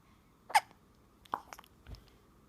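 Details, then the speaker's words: Infant boy, fussy earlier, now sitting quietly: a few brief, sharp, isolated catches of breath in a quiet room; infant hiccups. "Talk to me. The hiccups. The monkey boy has hiccups."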